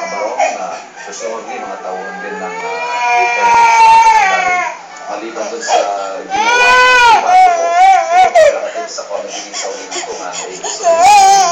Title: Dolphy makes the baby cry